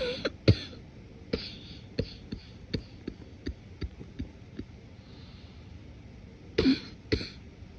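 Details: Morning cough, deliberately suppressed and muffled: soft coughs and throat clearing with small held-back bursts, congested-sounding.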